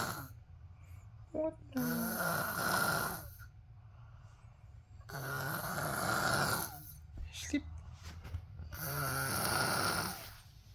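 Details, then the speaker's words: Snoring of a sleeper called "boss", loud enough to keep the listener awake: three long, rough, rattling breaths at about 17 per minute with quiet gaps between. "My boss snoring. I can't sleep. What can I do now? It's too loud."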